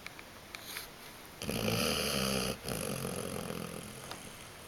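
Two loud, rough, buzzing snores in quick succession, a vibrating noisy breath during sleep in a dog.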